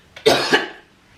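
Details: One harsh, forceful cough burst with a brief lead-in, simulated by a woman pretending to cough up blood as a prank on her husband.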